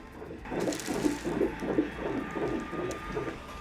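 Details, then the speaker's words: Rapid whooshing pulses of a fetal heartbeat on the first ultrasound of a pregnancy, measured at 160 beats a minute and called perfect; a single baby was confirmed. "Here's the heartbeats, the highlight."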